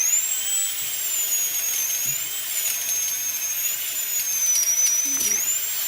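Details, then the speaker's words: Dental drill played as a disliked trigger sound on a misophonia game show: a high-pitched, wavering whine running continuously with faint room noise. "goes through me that goes right through to my bones it's a dentist's drill"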